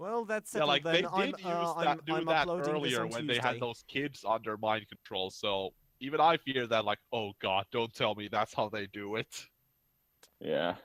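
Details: Adult male speaker; normal speech.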